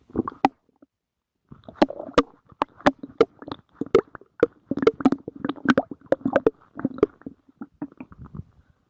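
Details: Stomach growling (borborygmi).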